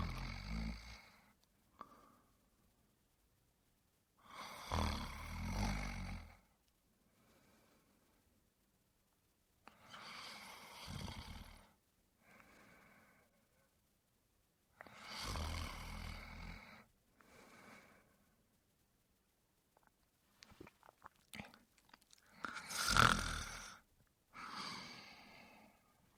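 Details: Man snoring, a sound effect: loud, rough, rattling snores on each in-breath roughly every five seconds, with quieter breathy out-breaths.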